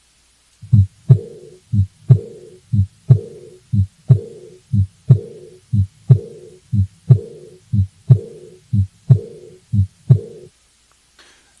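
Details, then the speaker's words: Aortic regurgitation example: a soft, blowing diastolic murmur, like air through a tube, fading after S2 during the longer diastolic phase between S2 and S1, with regular heart sounds about 60 per minute. "once again try to just recognize that the murmur is occurring during the longer phase of diastole between s2 and s1 not between the shorter phase of systole between s1 and s2"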